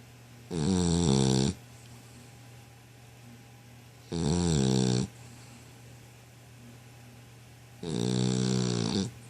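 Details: Dog snoring: three loud, rattling snores about four seconds apart, roughly 15 breaths a minute, over a low steady room hum.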